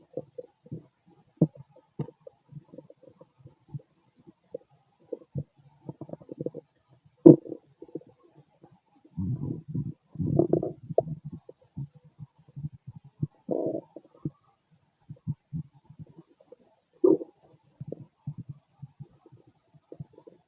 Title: Male stomach growls